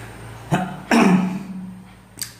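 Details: Adult vlogger who has been unwell since yesterday: two harsh, throaty cough bursts, the second longer with a rough voiced tail, then a faint third, over steady room hum; cough.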